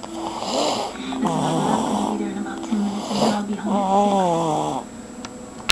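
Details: Loud snoring during sleep: rattling and whistling with rising and falling pitch across one long breath.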